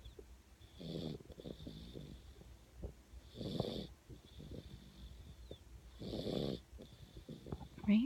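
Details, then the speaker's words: Dog (Ranger) asleep, three rhythmic rattling snores about every 2.5 seconds, roughly 24 breaths a minute, with quieter snuffling breaths between; snoring. "you're snoring, baby. You're snoring."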